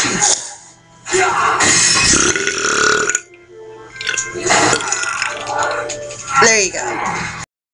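Loud, drawn-out belches over background music and some talk: burping.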